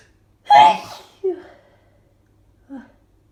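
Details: Person with itchy allergies: one loud sneeze followed by two smaller ones in quick succession; rapid repeated allergic sneezing.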